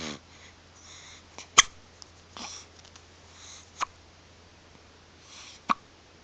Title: hiccup baby